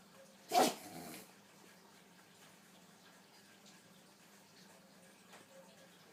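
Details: A single sneeze from a pug: one sharp, explosive sneeze with a brief snort after it, then quiet room noise.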